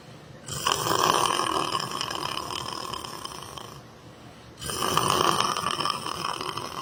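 Two long, harsh, rattling snores separated by a brief quiet pause; loud snoring.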